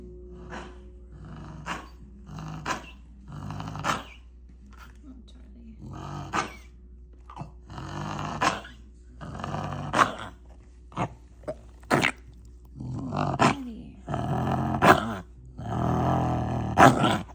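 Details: Dog giving repeated harsh, noisy breaths with sharp cough-like bursts: wheezing and coughing.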